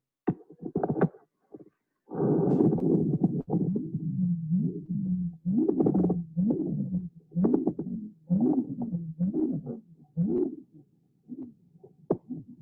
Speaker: this particular patient had a diagnosis called transverse sinus stenosis and the patient can pause the whooshing by um doing this sort of pressing on the jugular